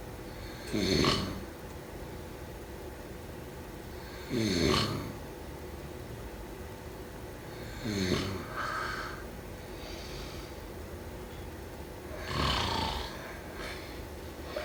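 Rough, fluttering snores about every four seconds, roughly 16 a minute, with quieter breathing between them.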